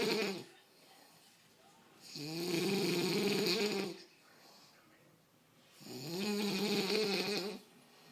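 Slow, loud, rasping snores about every four seconds, with quieter breathing between them; a sleeping pig snoring.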